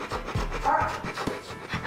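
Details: Fast, heavy panting in bursts from a trembling Rottweiler at the vet with suspected snail bait poisoning, as vet gives injections and induces vomiting to prevent seizures.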